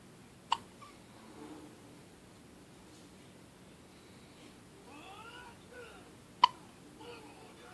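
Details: One-week-old baby girl with hiccups: two sharp, brief hiccups about six seconds apart, with faint infant cooing in a quiet room; infant hiccups.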